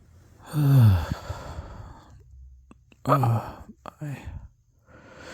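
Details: Hay fever allergy sneezing recorded very close to the mic: two forceful voiced bursts with exhaled breath, then a smaller third burst.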